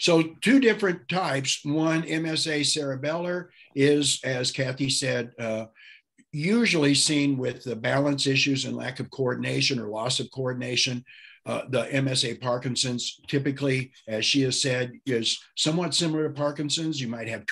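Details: Adult male speaker; ordinary speech.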